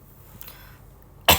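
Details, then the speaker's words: Young woman on a livestream, who says she keeps coughing but has not lost her voice, gives one sudden harsh cough burst at the end of a quiet stretch: cough. "Aku batuk mulu. Tapi untung sih suaraku enggak hilang, Guys."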